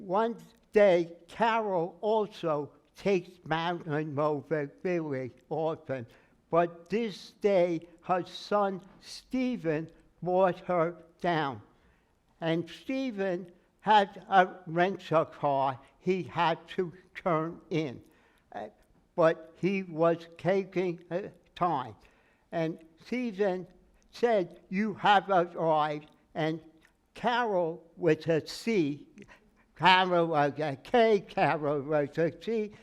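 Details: Adult man with aphasia after a stroke, noticed on waking; speech never recovered beyond about 80%; in speech therapy and an aphasia group; word-finding errors and garbled phrases; aphasia after stroke.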